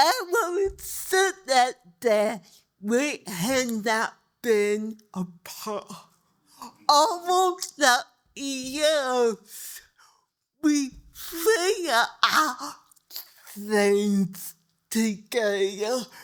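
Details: Dysarthria in a 63-year-old woman with cerebral palsy whose speech new doctors need help understanding; dysarthria (cerebral palsy).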